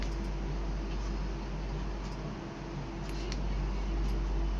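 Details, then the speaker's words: Fetal heartbeat on ultrasound at 6 weeks 6 days of a naturally conceived pregnancy: fast, rhythmic, low whooshing pulses of an early fetal heart, heard clearly and sounding normal. "মাশাল্লাহ শুনছো অনেক সুন্দরভাবে habit এসছে স্পষ্ট"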